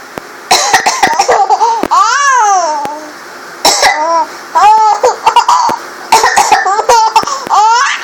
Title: Mommy coughs, baby laughs.